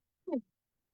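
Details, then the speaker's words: Infant in respiratory distress: a single brief, low, voiced grunt with falling pitch, expiratory grunting, while an oxygen saturation alarm sounds. "Otra cosa que podemos ver en los latantes y en los precolares son el aleteo nasal, eh que nos dice que el paciente está cursando con dificultad respiratoria. Este es el quejido. Escuchen muy bien."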